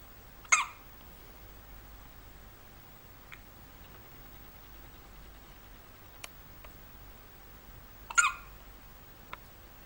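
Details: Three-day-old newborn having hiccups: two brief, sharp hiccup sounds about eight seconds apart in a quiet room.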